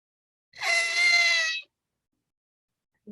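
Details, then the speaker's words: Imitated stridor in a nursing respiratory review: an adult makes one harsh, high-pitched, musical crowing sound on a single breath in, an upper-airway sign as in foreign body obstruction or croup. "Yeah, that's upper airway. So, who would have super like problems right right here? >> Choking? >> Yes, if they have a foreign body obstruction."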